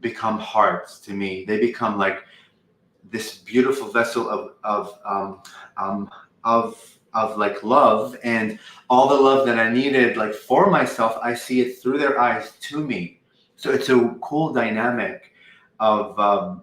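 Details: Adult woman who has stuttered for 20 years or more; she says she does not stutter when channeling; stuttering.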